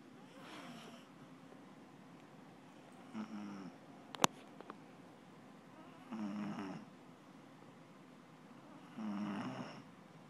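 Four rhythmic rattling snores about three seconds apart, roughly 20 breaths a minute, with one sharp click in the middle; ordinary snoring in a quiet room.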